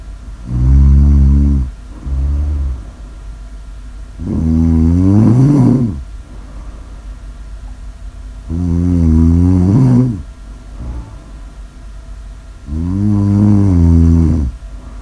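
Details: Loud, deep, rattling snores on each breath, about 14 breaths a minute, with quieter breathing between; snoring.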